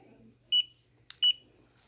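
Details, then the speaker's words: Dental curing light used for 10 seconds to cure a sealant on a tooth's occlusal surface: two short high-pitched electronic beeps with a faint click between them; dental curing light beeps. "Then I'm going to turn on our curing light. We're going to let it cure for 10 seconds. There should be 2 beeps."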